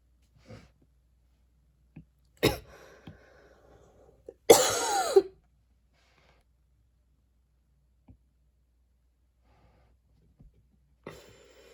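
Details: Coughing while studying, recorded a week earlier and described as a really bad cough: scattered bursts in a quiet room, one loud harsh cough with throaty rasp amid smaller coughs or throat noises.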